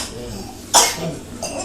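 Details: A child coughing while dancing to Masha and the Bear: one sharp, harsh cough, then a softer second burst, over faint room noise and background voices.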